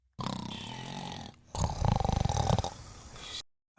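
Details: Snoring: two rough, rattling breath sounds with a fluttering vibration, in a segment about AI-based anti-snoring mattress technology.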